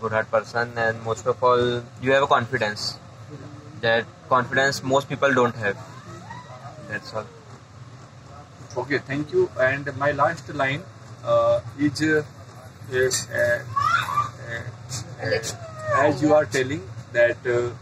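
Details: Adult man who stammers and says he gets stuck on words, trying to use techniques to manage the extra muscular stress while speaking; stammering.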